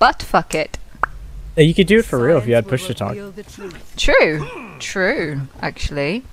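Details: Adult speaker; normal speech.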